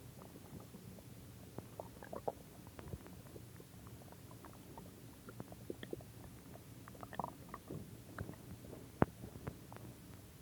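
Quiet low rumbling with scattered gurgles and squeaks over faint background hiss: ordinary stomach growling from gas and fluid moving through the gut.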